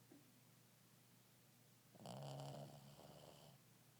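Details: A sleeping Shih Tzu: low, rattling snore on one breath over a quiet steady room hum.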